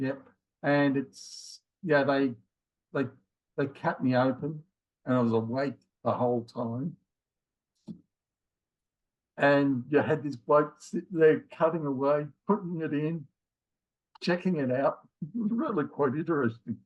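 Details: Man in his late 50s with mild aphasia after a left-sided ischemic stroke in January 2020, with difficulty both finding words and getting them started; also has a history of multiple heart attacks and rheumatoid arthritis; aphasia.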